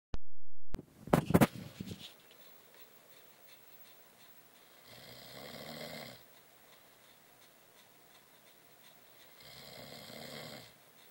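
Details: Snoring: two slow, low rumbling snores about five seconds apart, after a brief handling noise at the start.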